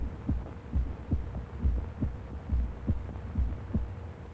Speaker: there is one heart clown as the ventricles contract and a second when they relax and the exit valve snapshot